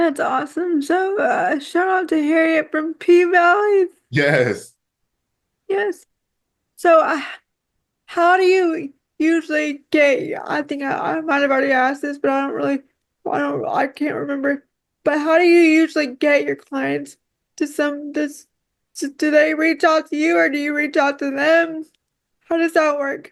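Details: Dysarthria in a woman with quadriplegic cerebral palsy affecting her whole body.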